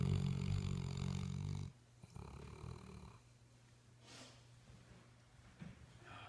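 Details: Sleeping Labrador dog snoring: a deep, loud buzzing snore that stops abruptly, followed by quieter snuffling breaths.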